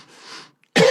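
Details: Soft breathy exhale, brief pause, then a sharp, loud cough burst that is cut off.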